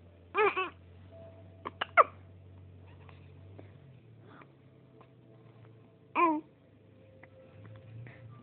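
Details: Brief abrupt catches in breathing with short voiced squeaks from a 3-week-old baby who often has hiccups, over steady room hum; infant hiccups.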